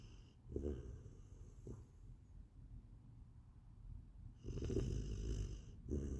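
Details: Sleeping puppy at night after playing all day with no naps, snoring: soft, low, rattling snorts in irregular bursts with quieter breathing between them.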